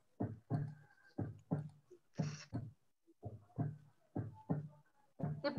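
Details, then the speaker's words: Teaching demonstration of normal heart sounds: paired low thumps, lub (contraction) then dub (relaxation), repeating about 60/min, normal S1 and S2. "listen ma all of you hear this sound is labdap labdap labdap labdap hear all of you the heart is given the sounds hear with the labdap contraction and relaxation contractions lab relaxation dab"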